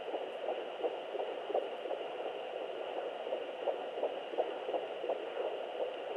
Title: 11 weeks fetal heartbeat via doppler